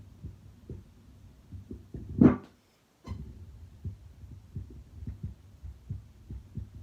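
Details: Steady, regular lub-dub heartbeats at rest through a stethoscope at about 85 per minute, auscultated over pulmonic, aortic, Erb's point, tricuspid and mitral areas, with one brief scrape and pause: normal heart sounds.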